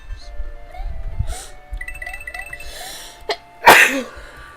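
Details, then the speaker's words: Player who thinks they are getting sick, a single forceful sneeze after a short intake, over video game music. "oh my God I'm going to title this video freaking sneeze fast yes"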